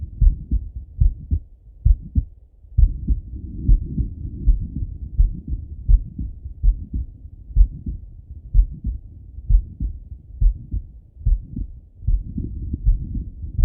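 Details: Male lying on left side, stethoscope heart auscultation: regular low heartbeat thumps through steady stethoscope rubbing and rumble; heart sounds.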